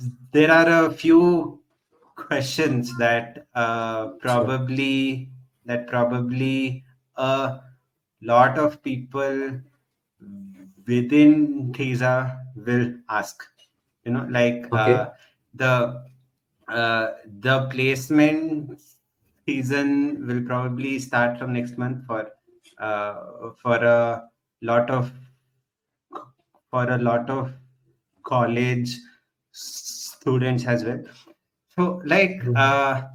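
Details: Adult man who stutters, member of a stammering association for 6 years, speech showing word repetitions; stuttering.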